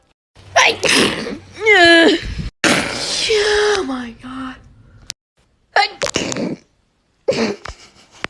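Several forceful, explosive sneezes in a row, some with a loud voiced cry, separated by brief pauses: repeated sneezing.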